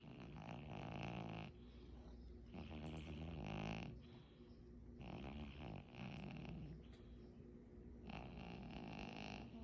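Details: A fat cat snoring loudly and rattling with each breath, about four snoring breaths over ten seconds.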